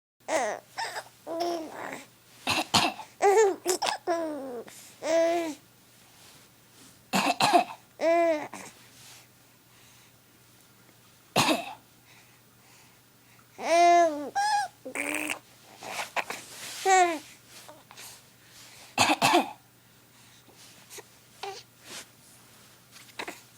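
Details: A young child who finds coughing funny gives short playful fake coughs mixed with giggles and babbling sounds.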